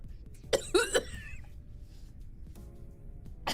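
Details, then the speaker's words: Adult streamer who has just blown her nose gives three short, voiced coughs in quick succession, followed by quiet room noise with a faint background hum. "Haha, I already blew my nose. So now you couldn't hear it. Uh oh, the coughing started already."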